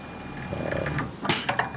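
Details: Ratcheting, gear-like mechanical clicking and whirring from a low-cost, 3D-printed, open-source prototype mechanical ventilator mechanism that compresses a bag.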